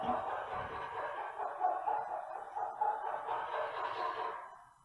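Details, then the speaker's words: Stridor in a brachycephalic dog (pug or French bulldog) under BOAS respiratory functional grading, where an exercise test brings out the noise; the stridor is laryngeal in origin. "so for years I've been teaching my students that Strider is laryngeal not in the literature so we checked it and it is laryngeal"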